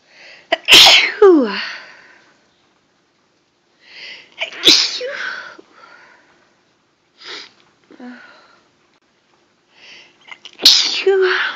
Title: Sneezing a lot..